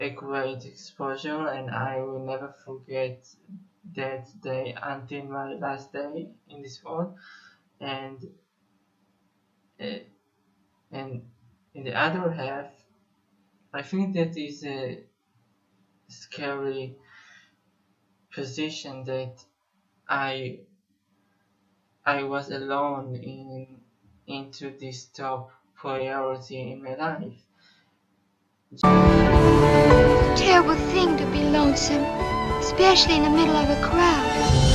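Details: Stuttering in an adult male Israeli musician who says he has stuttered for almost 21 years.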